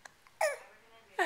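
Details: Baby boy gives two abrupt, voiced hiccups with faint clicks between them; ordinary infant hiccups.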